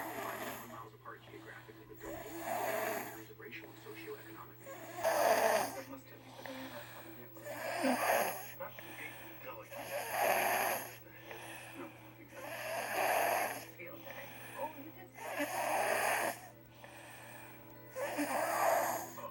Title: 7 Year Old Sleeping in His New Lego Bed Snoring